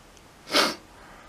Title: sneezing a lot